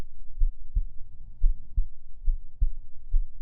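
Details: Soft, regular low thuds at about 70 beats a minute over a faint hum, an ASMR recording of a person's own normal resting heartbeat.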